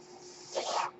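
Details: The speaker's own mechanical ventilator, heard during podcast speech: a soft hiss rising into a brief airy whoosh over a faint steady hum as it delivers a breath.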